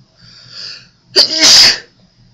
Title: Second Attempt (A few more sneezes for you)